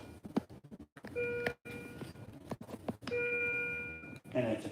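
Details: Repeated electronic alarm beeps with brief talk in an emergency room: a monitor alarming after the finger sensor is removed, in an adult ill for several months with episodes of red-hot face then chills.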